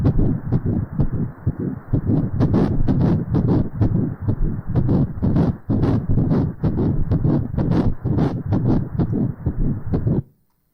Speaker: 그럼 지금 이제 태아 심장 박동 소리를 한번 들어보도록 하겠습니다.